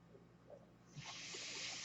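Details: Real recording of a podcaster's own mechanical ventilator audible while he talks: quiet room noise, then a steady airy hiss starts about a second in and continues as the ventilator delivers a breath.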